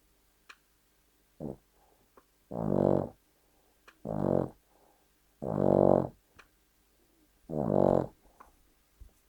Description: This is our 3 year old cavalier king charles spaniel (Charlie) snoring like an old man.